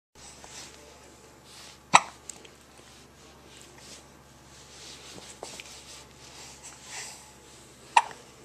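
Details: Two sharp, abrupt hiccup sounds about six seconds apart against quiet room noise, recorded with a Flip Video camera; ordinary hiccups.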